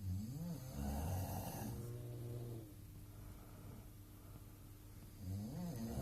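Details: Snorer recorded in a hostel in Queenstown: two loud, low, rattling snores with a quiet stretch between them; snoring.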